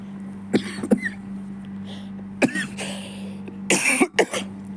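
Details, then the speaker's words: Cough from someone ill with fever and cough: several short dry cough bursts and throat clearing over a steady background hum. "പനിയും ചുമയൊക്കെ ആയതുകൊണ്ടാണ് കേട്ടോ ചുമയ്ക്കുന്നത്."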